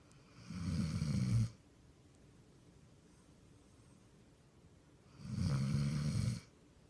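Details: Female dog sleeping on her back, snoring like a human; two low, rattling snores on breathing in, about four seconds apart, roughly 14 breaths a minute; snoring.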